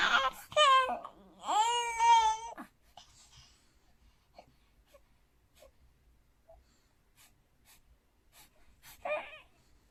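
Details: 4-month-old baby boy crying in his sleep: a few short wailing cries and whimpers, then quiet soft breathing and one brief later whimper; he twitched, looked about to cry, and kept sleeping without waking.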